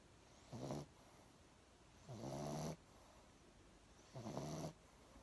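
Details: Snoring during sleep: three rough, buzzing snores at regular intervals with quiet gaps between, about 30 breaths a minute.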